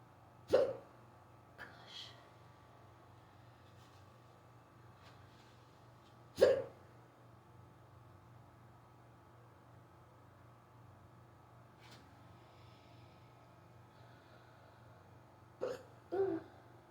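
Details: Sudden, unusually severe and rapid hiccups on waking in the morning, an episode lasting almost 20 minutes. Sharp, abrupt hiccups, some with a small vocal catch, about five over seventeen seconds in quiet surroundings.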